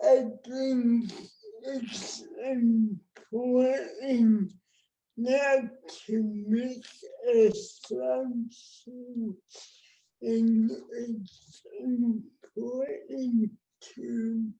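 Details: Real speech from an adult woman with cerebral palsy, a condition present since she was born before the ADA; dysarthria (cerebral palsy).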